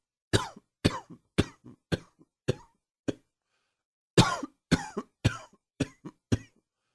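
Two bouts of forceful coughing, about eleven coughs in all, each burst followed by a shorter trailing cough.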